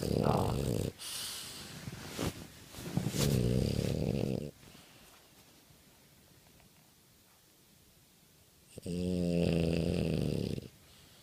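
Loud, rattling snores in long drawn-out breaths from a flat-faced dog, with pauses between breaths.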